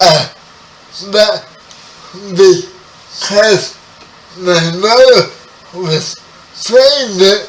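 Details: 30-year-old man with spastic quadriplegic cerebral palsy, born 11 weeks premature; speech affected by the condition; spastic dysarthria.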